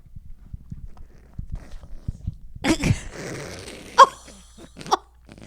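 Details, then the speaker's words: A dog making snorting, snuffly, snoring-like breaths and sharp sneeze-like bursts; owner says he has congestion and fears he is dying. "it sounds like d snoring it's what is something is wrong with the dog Gus something is wrong he's dying now do you hear this he's got some congestion he's got some congestion"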